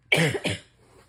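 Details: Sick adult with a runny nose gives two quick, forceful, rough chesty coughs, then quiet room noise; chesty cough.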